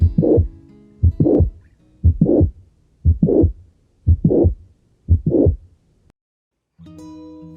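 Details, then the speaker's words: Mitral valve prolapse heard with stethoscope diaphragm at mitral area: regular heartbeat about 59/min, soft short late systolic murmur after a click, lasting until second heart sound. "Por lo general, aparece al final de la sístole después de un chasquido de apertura, de intensidad suave y corta duración hasta que se produce el segundo ruido cardíaco. Se ausculta mejor con el diafragma del fonendoscopio en el área mitral."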